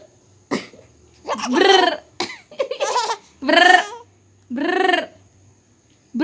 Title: Cough - Laugh :)